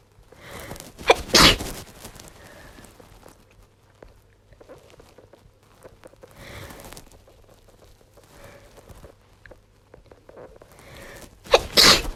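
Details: Female with a head cold, congested, coughing all day and losing her voice: three forceful sneezes, two close together then one at the end, with sniffing between.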